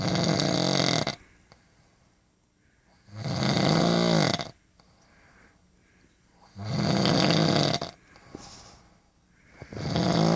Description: My wife snoring